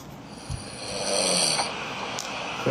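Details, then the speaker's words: Snoring in which the sound seems to come from two people snoring at once; snoring. "Suara ngoroknya ada 2 orang loh, keren loh ini."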